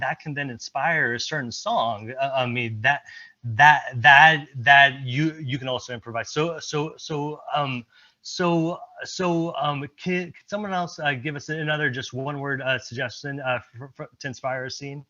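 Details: Stuttering with repetitions in a presenter speaking during an improv presentation at a stuttering-community event.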